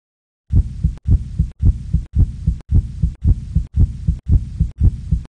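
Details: Educational illustration of heart sounds: regular two-part lub-dub heartbeat at about 113 beats a minute, with a steady hiss between beats.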